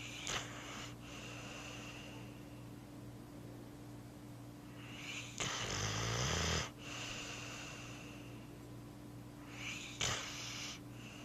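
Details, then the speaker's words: Dog asleep on a couch after a hard day: rattly snoring inhalations and hissing snorts at intervals over a steady low room hum; snoring. "Roscoe is sleeping on the couch. This is our dog Roscoe. He's snoring"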